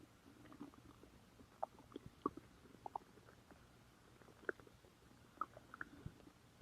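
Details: Quiet, scattered gurgles and squeaks over a faint hiss, from gas and fluid moving in the gut; stomach growling (borborygmi).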